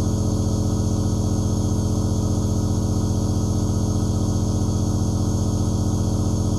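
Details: Nebulizer compressor running continuously: a steady, loud, low droning hum with a fast even buzz, recorded as aerosol white noise.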